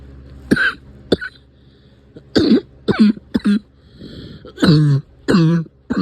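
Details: Recurring cough: several short, harsh coughs and throat-clears in quick bursts over a low engine-like hum.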